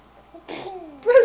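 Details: Baby deliberately fake-sneezing for her older sister's attention: one brief sneeze-like burst followed by a vocal squeal, imitated rather than a reflex sneeze.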